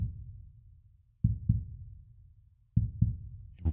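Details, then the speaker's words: A heartbeat track under a relaxation hypnosis voiceover: slow, steady, paired lub-dub thumps at about 40 beats a minute. "vous pouvez peut-être déjà sentir que les battements du cœur que vous entendez sont synchronisés avec vos battements de cœur"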